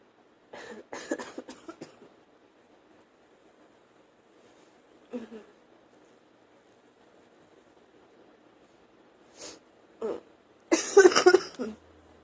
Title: Sneezing, coughing nose blowing